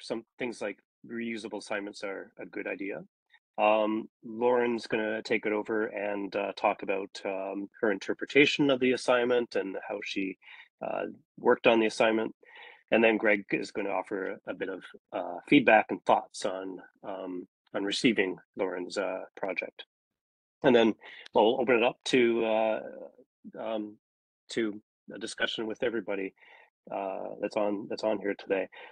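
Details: Adult male speaker; ordinary speech.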